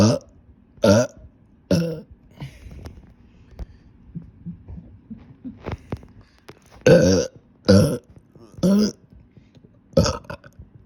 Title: Short Burping Video (I’m back…maybe)